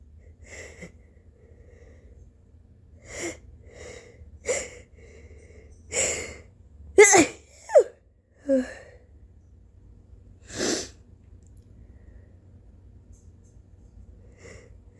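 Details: Early-morning sneezing fit right after waking, with very snotty nose blows: repeated sneezes with sharp gasping intakes and sniffles over room hum; the person feels exhausted by recurring sneezing attacks.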